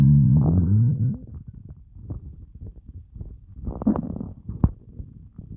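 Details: After fasting for over 30 hours, a loud low groaning rumble, then softer gurgles and squelches from the belly. This is hunger stomach growling (borborygmi).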